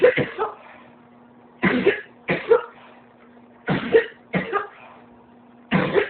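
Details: Adult coughing in repeated bouts of two or three harsh coughs with short pauses, after coughing most of the day: persistent cough.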